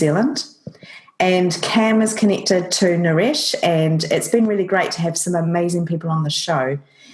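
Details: Adult woman speaking; Normal speech.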